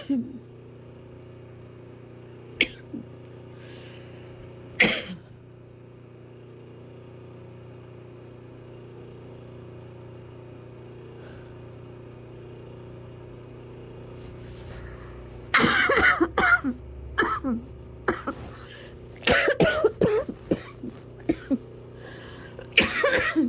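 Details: Adult's hard coughing: two early single bursts, then a close run of forceful, harsh coughs over a loud, steady fan hum.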